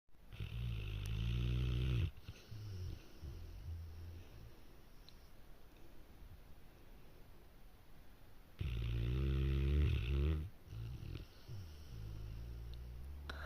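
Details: Sound asleep and snoring: two long, loud, deep rumbling snores with softer snoring breaths between them. Snoring.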